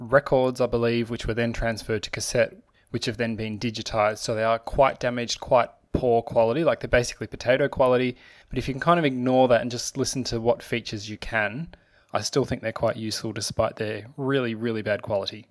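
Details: Adult male speaker; normal speech.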